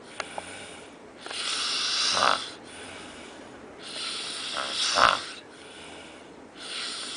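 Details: Adult snoring, recorded in Cancun, Mexico, said to go on all night long; rough, hissy snores on each breath, about three in seven seconds, with snorting peaks; ordinary snoring.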